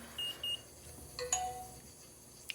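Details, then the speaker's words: Two short high beeps, then brief electronic tones in a quiet room: a type 1 diabetic's expired insulin pump pod, worn on the belly, signalling deactivation from its handheld controller (PDM). "deactivate pod oh my God oh my God that's deactivating"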